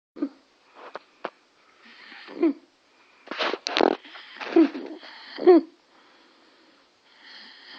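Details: Stridor in an infant named in the caption: noisy breathing with harsh, high-pitched crowing sounds on the breaths from a narrowed upper airway.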